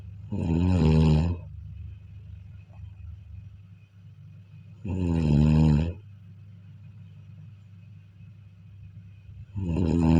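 Deep, loud, rumbling snores about every four to five seconds, roughly 13 a minute, with quiet breathing and faint background hum between.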